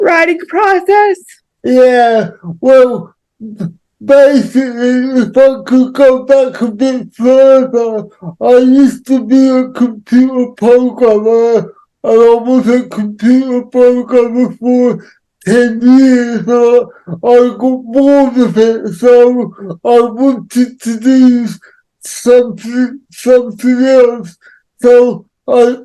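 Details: Adult man with cerebral palsy who says he cannot say some words; dysarthria associated with cerebral palsy.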